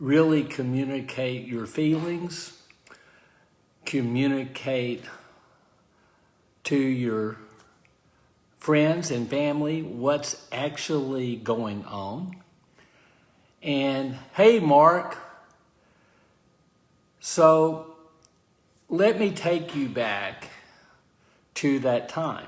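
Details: Adult man with aphasia following a stroke, speaking live, consistent with post-stroke aphasia.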